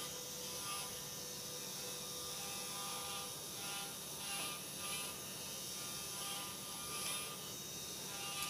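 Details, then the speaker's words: Arthroscopic burr removing spurs and smoothing the acromion (acromioplasty) so no surface abrades the rotator cuff, in a 45-year-old right-hand-dominant woman with a work shoulder injury and previous shoulder surgery; steady high-pitched whine with brief grinding surges. "What we want to do is get rid of uh some of the spurring and smooth off the bone so we don't have any surfaces that will arade the rotator cuff."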